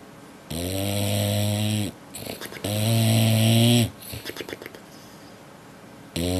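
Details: Snoring from a sleeping dog: two long, loud, rumbling snores with snuffling breaths between them, then the start of a third.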